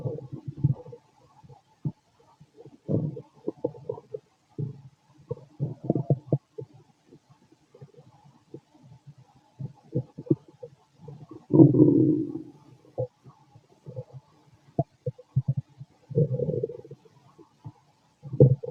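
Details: Fit adult male's abdomen, recorded with a stethoscope after lunch and a carton of milk: irregular gurgles, clicks and longer rumbling bursts, normal active bowel sounds (borborygmi).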